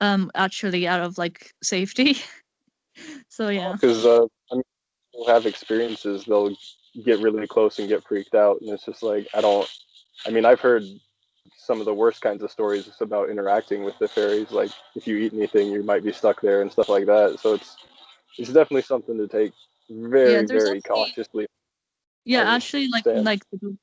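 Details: Adult; no speech disorder.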